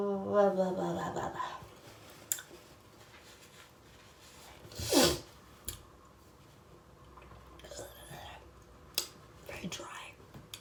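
A sharp, explosive sneeze with softer breathy sounds before and after, part of a run of repeated sneezing from hay fever.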